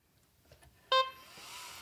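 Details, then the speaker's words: corpuls cpr mechanical CPR device switched on during function test: a few soft clicks, the LED briefly lights white, then a short, clear electronic beep and low hum; power-on signal tone, self-test passed with no errors. "LED briefly lights up white. We hear the small signal tone. The display shows there are no function errors or other error messages."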